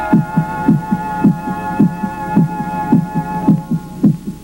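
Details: Regular paired heart thumps at about 107 beats a minute over a steady hum and soft music, from a patient with a congenital heart defect and a leaking aortic valve (aortic insufficiency).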